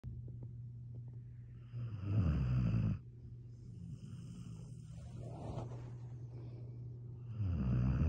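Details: Redbone Coonhound dog snoring: two loud, low rattling inhalations several seconds apart, with quieter snuffly breathing between them over a steady low hum.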